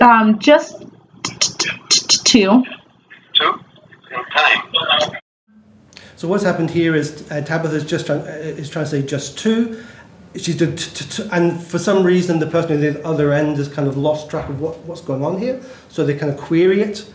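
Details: Man who stutters, recorded in a real telephone call, who reports that an automated phone system kept misunderstanding him; stuttering.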